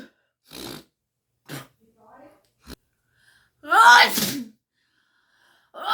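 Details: Woman's sneezing fit during a rhinitis attack: several short sneezes in a row, the fourth loudest with a voiced cry, then the start of another.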